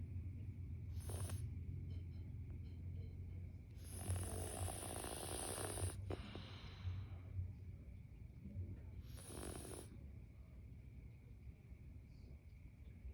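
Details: Cat snoring heavily: low rumbling snoring under steady room hum, with a few louder snorting breaths; snoring.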